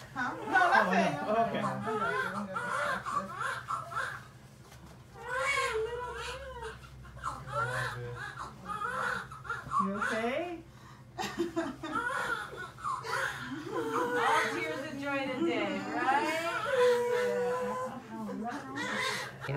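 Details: Loud, repeated, high-pitched wailing cries from a newborn boy just after a natural, unmedicated hospital birth with underwater pushing, with adult talk and room noise around it; a normal newborn cry.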